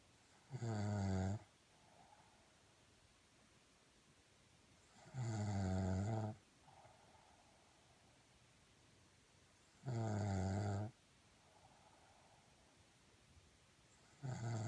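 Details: Regular loud rattling snores on each inhalation, about 13 a minute, with softer exhalations between, during a typical night's sleep; steady snoring.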